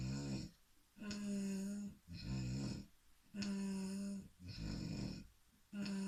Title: Snoring in symphony